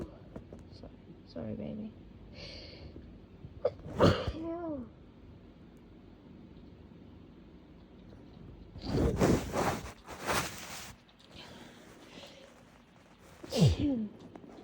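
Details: Natural, uninduced sneezes: a voiced sneeze, then a run of loud explosive bursts and a final one, with quiet voice between.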